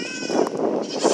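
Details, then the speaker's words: A young goat, weaned after a week of screaming, gives a rough, breathy bleat with little clear tone: hoarse voice from laryngitis. "so I thought I'd take another video just to see if you could enjoy some baby goat laryngitis with me"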